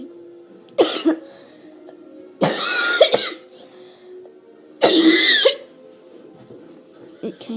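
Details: Cough set off by laughter: three harsh coughing bursts, some with several quick coughs each, faint background music.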